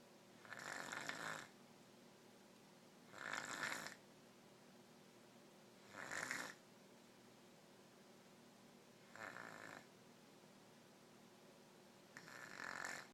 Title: Snoring